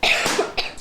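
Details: A single sharp, loud cough followed by a smaller second burst, recorded close up; cough.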